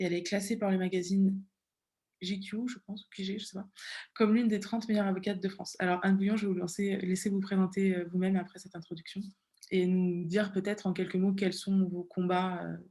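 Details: Adult woman speaking French; Normal speech.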